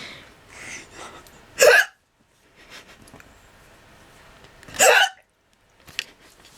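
Two sharp, loud hiccups about three seconds apart, with soft background talk between them: involuntary diaphragm spasms.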